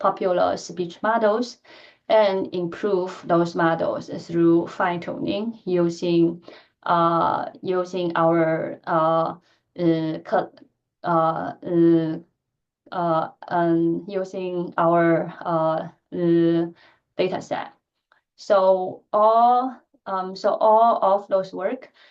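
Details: Adult woman who stutters, speaking during a lecture presentation; she says she stutters more in presentations than in private settings; finding: stuttering.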